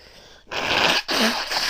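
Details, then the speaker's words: Adult woman with a tickling nose before very big sneezes: a loud, explosive sneeze followed by a second hissing burst of air; sneezing. "oh jeez my sees are so huge feels really good"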